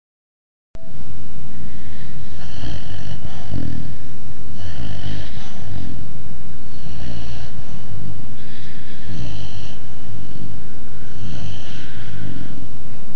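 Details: 6-month-old Dogue de Bordeaux (French Mastiff) puppy asleep: steady low rumbling snores with a hiss on each breath, about 30 a minute, loud and close. Snoring.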